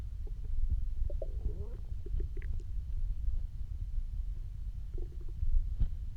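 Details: Stomach growling after almost 24 hours without eating: low gurgling rumbles and squeaky bubbling from an empty stomach; ordinary hunger borborygmi.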